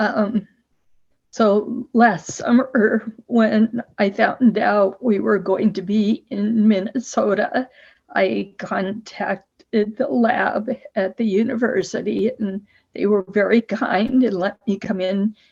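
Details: Person with abductor spasmodic dysphonia (laryngeal dystonia) for about 50 years, treated with Botox injections for over 20 years; has tried laryngeal vibrotactile stimulation.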